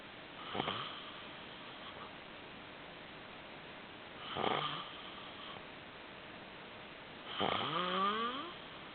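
Three loud, rough snoring breaths a few seconds apart, the last ending in a rising whistle-like tone; snoring.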